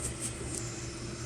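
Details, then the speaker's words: Anesthesia machine ventilator being set up with a test lung, valve closed and oxygen opened: steady rushing hiss over low hum as the oxygen flush refills the collapsed bellows; oxygen flush. "Ahí se colapsó un poquito nuestro fuelle, entonces vamos a ayudarnos con el flush de oxígeno para elevar nuestro fuelle"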